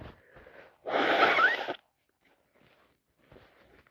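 A single loud, forceful burst of air with a sharp onset, between quiet breathy sounds: a sneeze, here from someone with a cold.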